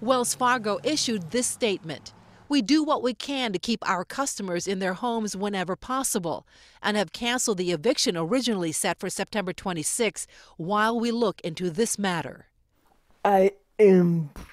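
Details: Adult female speaker, news narration; normal speech.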